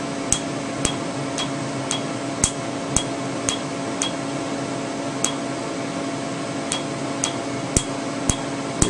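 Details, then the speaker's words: Sharp snapping clicks, about two per second, over a steady hum: Q-switched 755 nm alexandrite laser (Candela Tri-Vantage), 2 mm spot, treating a name tattoo after topical anesthetic cream. "with a two millimeter spot size we're going to treat just the name again this is 755 nanometers alexandrite a little bit of snap is good"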